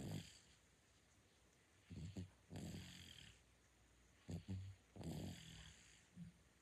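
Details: 9-month-old baby asleep, with soft, uneven, low rumbling snoring and snorting on each breath over quiet room noise: infant snoring.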